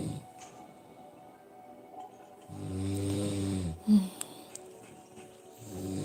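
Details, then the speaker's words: Husband snoring during sleep, recorded by his wife: one long, loud, rumbling inhaled snore ending in a brief snort, quiet breathing before and after, faint background music. "I'm gonna let him listen to this tomorrow like do you know you was just snoring as all loud as outdoors"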